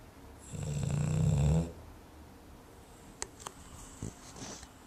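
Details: Snoring during a typical nap: one loud, low, rattling snore lasting about a second, then quiet breathing with a few faint clicks and background noise.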